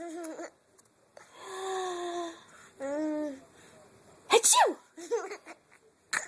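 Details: A mother's sharp, explosive adult sneeze, with a young child giggling and laughing before and after it; sneezing.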